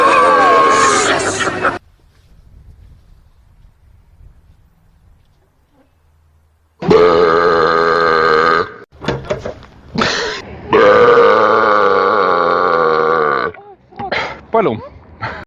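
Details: Burping: several long, loud, deep belches with a rough, resonant, drawn-out quality, broken up by short pauses.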